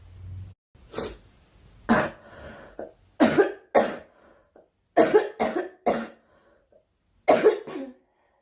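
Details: Girl coughing: about eight short, sharp coughs, some in quick pairs, separated by pauses; a plain dry-sounding cough.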